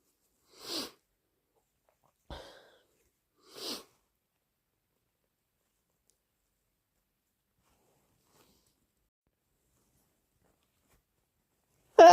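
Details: Induced allergic sneezing: a few soft, breathy sneeze bursts separated by long quiet gaps, with a sharp sound at the end.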